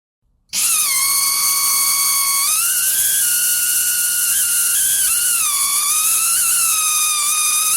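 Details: Piercing high-pitched whine rising and falling in pitch, typical of a high-speed dental drill; a sound-effect recording.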